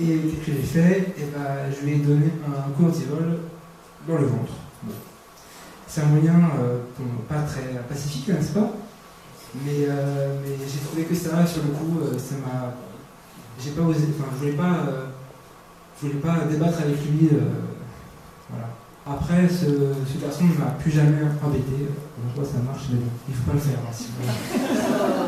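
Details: Stuttering in a 22-year-old man who has stuttered since about age 5.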